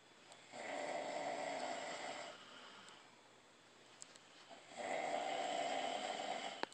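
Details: Two brothers sleeping in a hotel room, recorded by their older brother, two long, harsh, rattling snores about four seconds apart with quiet gaps between: loud snoring.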